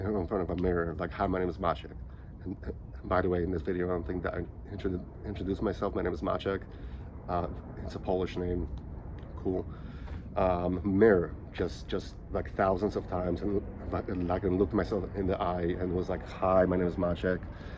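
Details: Stuttering in a 37-year-old man who has stuttered since age five; he says he sounds choppier here because he is nervous recording on his phone.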